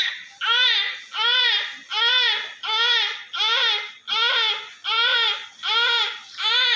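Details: Newborn male baby covered in vernix, being cleaned after birth, with strong reflexes: strong, rhythmic, loud, clear vigorous crying at about 80 cries a minute, a normal cry.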